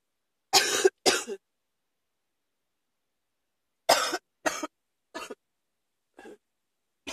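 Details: Sudden-onset cough that came on quickly: two pairs of harsh, abrupt coughs, then fainter ones trailing off, about six coughs from an adult.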